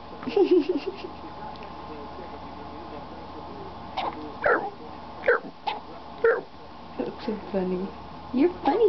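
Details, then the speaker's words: Hiccups in a newborn baby girl on her first day of life: small, repeated hiccups. "are those the hiccups mhm if those aren't the cutest little hiccups I ever heard"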